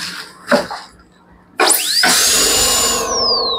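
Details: Portable all-in-one dental unit demo (550 W, foot control, three tubings, suction, two air rotors): clicks, then high-pitched whine rising quickly and holding steady as the high-speed air rotor spins up with water spray.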